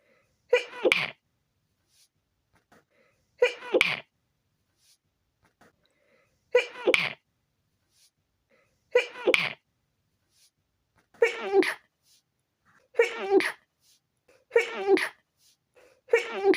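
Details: Seven short, muffled sneezes held back rather than released, with quiet pauses and sniffs between; stifled sneezes from a tickly nose after windows were left open overnight.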